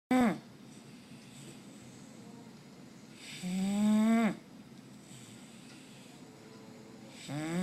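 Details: Bulldog snoring while asleep during Fourth of July fireworks: loud, buzzy, pitched snores about every three to four seconds, roughly 16 a minute, with quiet breathing between.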